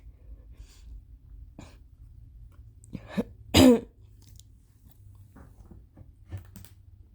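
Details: Intense coughing and gagging with bad allergies amid changing weather: one forceful cough with a few small throat-clearing sounds in a quiet small room.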